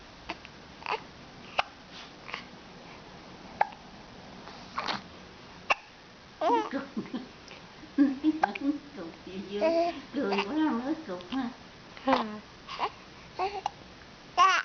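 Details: A 12-week-old baby with hiccups: short, sharp hiccup sounds at irregular intervals, then soft babbling and fussing.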